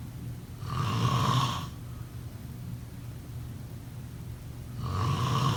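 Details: Two loud, rattling inspiratory snores separated by a quiet pause: typical snoring during sleep.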